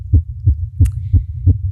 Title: 20 min. of very fast female heartbeat. Microphone picks up heartbeat